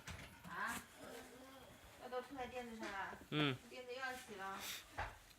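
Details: Baby cooing softly in a small room, then a single brief, sharp baby sneeze near the end.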